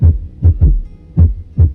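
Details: Low, dull heart sounds at roughly 80 beats a minute, with a faint extra low thump early in diastole after the second sound: a third heart sound (S3) gallop.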